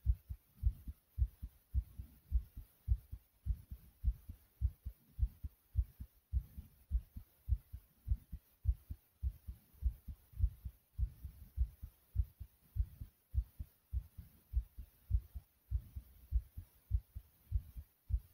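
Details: A person's own heartbeat: strong, regular paired thumps, about 100 beats a minute, a clear pounding heartbeat.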